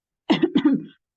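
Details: Acted, imitated cough by a child (grade 5 student) in a school asthma presentation: two quick voiced "uhuk uhuk" bursts in a quiet room, simulated cough.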